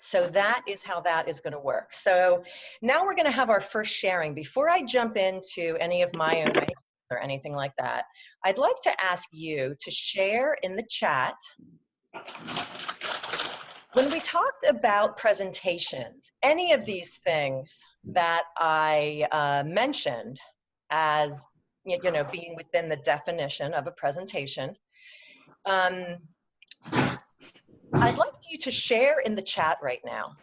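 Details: Adult woman who stutters, presenting in a webinar; her stutter comes and goes, with good and bad speech days; stuttering.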